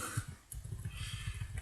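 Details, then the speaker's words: Stomach growling as it nears lunchtime: low, bubbling rumbles in a rapid pulsing run, normal hungry borborygmi. "my stomach it's nearly lunch time"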